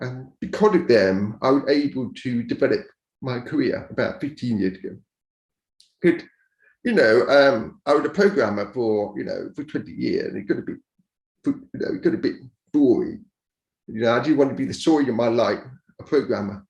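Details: Adult man born deaf who learned to speak rather than sign, now using a cochlear implant after years of hearing aids; he says his speech is not perfect and automatic captions sometimes mishear it; deaf speech.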